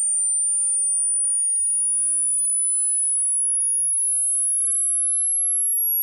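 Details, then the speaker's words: Upper end of a 60-second tinnitus pitch-matching frequency sweep from the lowest to the highest audible pitch: a faint, pure, very high-pitched tone rising slowly and steadily. "durante los próximos 60 segundos escucharán. el sonido más bajo que el oído humano puede escuchar hasta su tono más alto"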